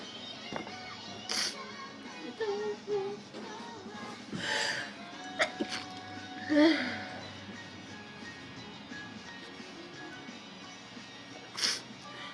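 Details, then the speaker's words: A Japanese woman sneezes repeatedly in a series of short, sharp sneezes over light background music, saying she can't stop sneezing. "ああ、くしゃみが止まらん。"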